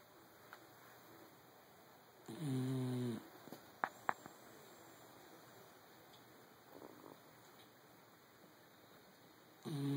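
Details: Sleeping dachshund snoring: two rumbling, vibrating snores about seven seconds apart with a few soft clicks between them.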